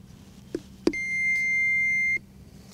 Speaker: here is an example of the instructions you could expect to hear from an AED